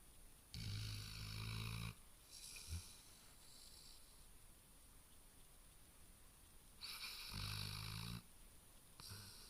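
Low, rattling snores on each breath in, with quiet breaths out between; a sleeping dog snoring.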